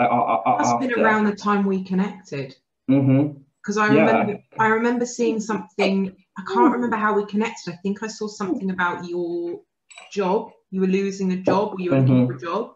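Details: Adult woman speaking; typical speech.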